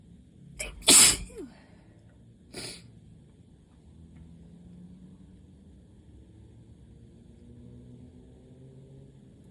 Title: 5/1 - moooore allergy sneezes!